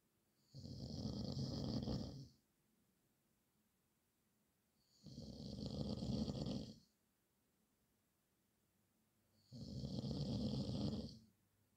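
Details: Three loud, rough, rattling inspiratory snores, each about two seconds long with quiet gaps, about 13 breaths a minute; habitual nightly snoring.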